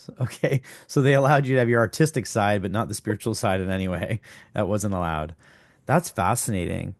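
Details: Adult male speaker; Normal speech.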